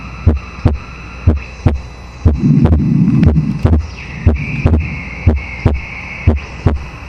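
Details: Wide split second heart sound on a simulation model at the pulmonary area, about 60 beats a minute; second sound split in both inspiration and expiration, wider on inspiration, which is pathological.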